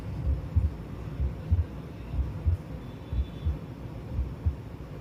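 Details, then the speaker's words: Normal heart sounds: regular lub-dub at about 63 beats per minute, clear S1 and S2 with nothing extra, played as a teaching example of normal versus abnormal heart sounds. "तो जो पहला sound मैंने आपको सुनाया वो normal heart sound था।"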